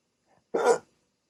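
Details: Hiccups in a person with sleep apnea, during a 16-minute attack on waking after sleeping with a CPAP mask: a single sharp, abrupt hiccup in a quiet room.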